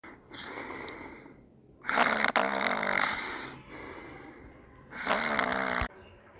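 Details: Loud, rattling repeated snores with softer breaths between them during sleep; heavy repeated snoring can sometimes signal sleep apnea: snoring.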